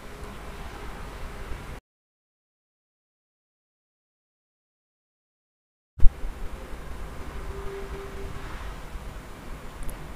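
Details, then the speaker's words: Kaneko DO2-5A 5-litre-per-minute oxygen concentrator with humidifier bottle, flow adjustable 0.5–5 L/min, delivering at least 82% oxygen: steady low motor hum with a faint whine; after a silent gap, a click and the hum resumes. "sau khi trên máy có hiển thị 2 nút màu xanh 1 nút là điểm vào một nút là Noel nghĩa là máy đang chạy bình thường và cung cấp nồng độ oxy ở mức 82 phần trăm trở lên"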